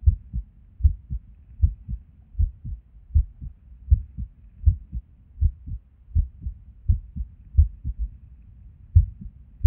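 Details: Resting heartbeat recorded at Erb's point while sitting at a desk: low thumping beats around 79 a minute with uneven spacing and occasional pauses; irregular heartbeat with skipped beats.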